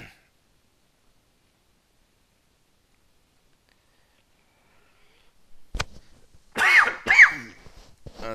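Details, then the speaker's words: Adult still recovering from a throat infection with sore throat about a month earlier: after a long silence and a click, two short, voiced coughs in a small room; cough. "I had a sore throat. I went through hell."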